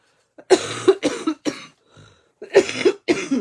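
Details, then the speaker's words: Adult woman with a heavy cough since Saturday evening, suspected bronchitis: about five loud, harsh, partly voiced coughs in two close runs with a brief pause between. "Ouais, j'ai une grosse tou franchement là ça a commencé samedi soir"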